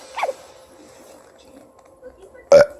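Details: Two short throaty burps in a quiet room, the second louder and voiced, made by a parent to make a baby boy laugh; ordinary burping.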